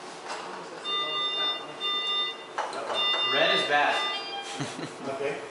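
Steady high-pitched electronic alarm tones with people talking nearby: an anesthesia machine's oxygen supply failure alarm.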